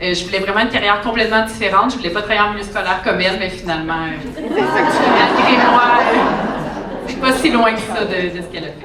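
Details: Adult woman speaking French; typical speech.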